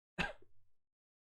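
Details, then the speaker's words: One short, harsh cough with a sharp onset and brief throaty tail from someone with an itchy throat and a hoarse voice who has been coughing a lot, consistent with an irritated throat. "Sorry for my voice. Sorry more for coughing a lot."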